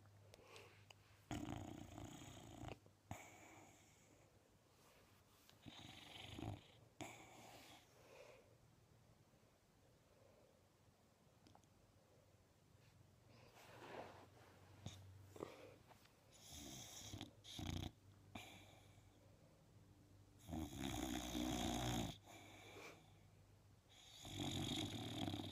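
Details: A sleeping Boxer dog snores loudly in irregular, rattling bursts separated by quieter breathing.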